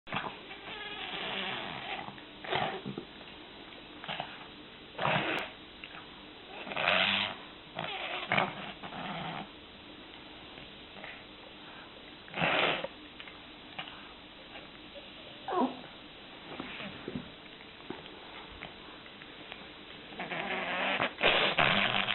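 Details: Griffon dog with a bad case of kennel cough, congested with a squashed-up face: harsh, irregular coughing and snorting bursts over noisy, congested breathing; kennel cough.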